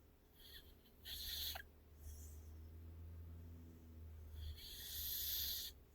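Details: Female pitbull dog asleep: soft low snores alternating with hissy, snorting breaths through the nose; noisy breathing and light snoring during sleep.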